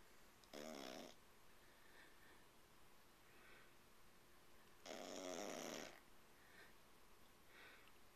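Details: Teacup Yorkie dog snoring: two raspy, noisy breaths several seconds apart over faint room noise; snoring from a small dog.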